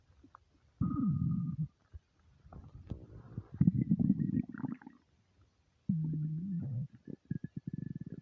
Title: starving stomach rumbles